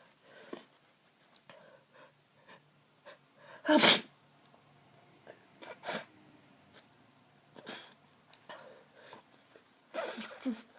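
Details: Several forceful sneezes between sniffly, congested breaths from a person with a blocked nose during a cold: sneezing.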